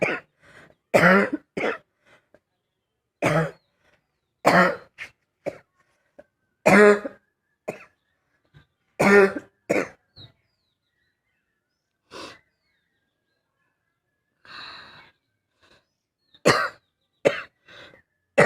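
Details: Barking cough from an adult woman: a run of about ten harsh, loud coughs with a barky, hollow edge.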